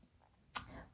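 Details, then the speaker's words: A single sharp, hissing, loud adult sneeze bursts out of near silence, then fades quickly. "my God I sneeze so loud good thing I did not hear that"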